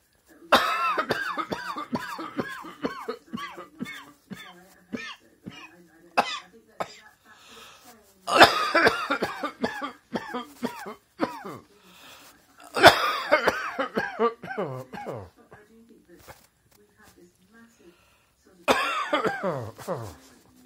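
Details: Repeated bouts of short, dry, hacking coughs with throat clearing and quiet pauses between bouts: dry tickly throat cough.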